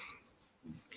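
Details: Snoring from a small pet dog: a brief, muffled, low rumbling snort over quiet room noise. The owner says the dog snores much louder in full snoring mode.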